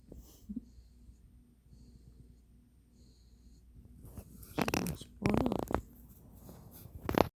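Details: Sleeping dog snoring: soft, rhythmic snoring breaths, then louder snorting bursts; ordinary snoring.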